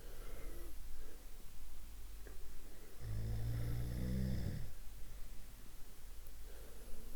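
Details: A single deep, rattling snore on one breath in over quiet room noise; one of several snoring types, snoring.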